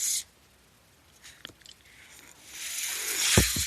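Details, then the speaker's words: The speaker's own mechanical ventilator heard while he talks: a short hiss, a quiet pause, then a rising airy rush ending in soft low thumps, the ventilator breathing cycle. "That noise you're hearing is my ventilator."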